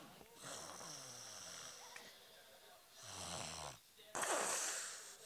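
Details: Several rough, fluttering breaths with a whistling edge from a sleeping girl in a quiet room: snoring.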